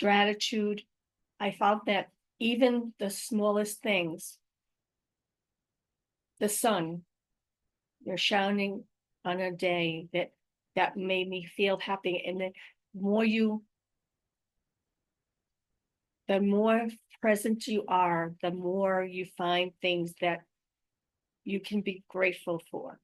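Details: Adult woman with aphasia, apraxia of speech and dysarthria following a stroke in May 2019, describing her own ongoing communication challenges; aphasia with apraxia of speech and dysarthria.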